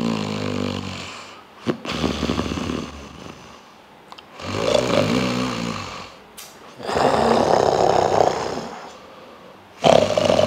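Loud, rough, rattling snores repeat in steady bursts with short quiet gaps between them. This is acted snoring.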